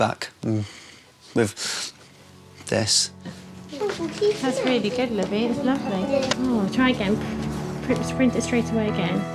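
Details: 25-year-old woman who has stammered since early childhood, enrolled on a McGuire stammering programme course; stuttering.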